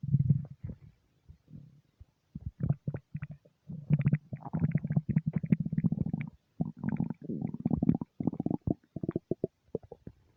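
Long runs of low gurgling and bubbling rumbles, nearly continuous; ordinary stomach rumbling.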